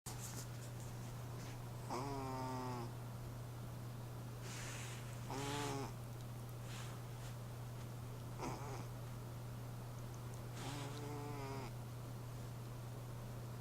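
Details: Sleeping cat snoring loudly while being woken: soft, repeated wheezy snoring breaths over a steady low electrical hum.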